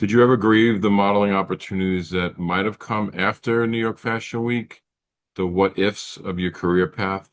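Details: Adult male; typical speech.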